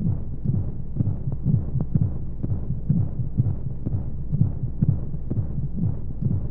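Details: Womb sound for baby sleep aid: steady low muffled thumps at about 125 a minute over a soft hiss of white noise; heartbeat.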